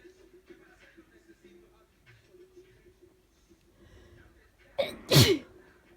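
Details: Sneezing with a cold: a quick inward catch of breath, then one forceful, wet-sounding sneeze.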